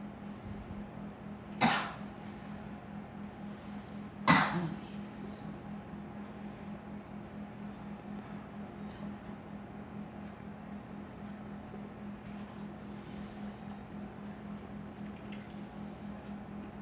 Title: Girl coughing